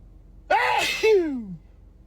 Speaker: Can you believe these sneezes get even louder than this?